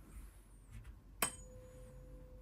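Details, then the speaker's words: Rinne test, left ear: tuning fork struck then a steady pure ringing tone. Bone conduction exceeds air conduction, suggesting left conductive hearing loss, pending Weber test confirmation. "tell me when it stops stop can you still hear no okay so it means bone conduction is more than air conduction most probably my patient has got conductive hearing loss on the left side"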